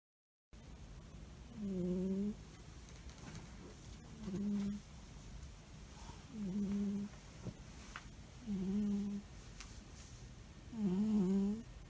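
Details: Sleeping albino cat, Donovan, snoring: soft, regular nasal snores, about 26 a minute, over steady room noise.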